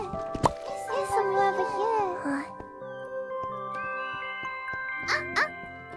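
Short, sharp sneeze bursts, one near the start and a pair near the end, over chiming game music and a brief high voice.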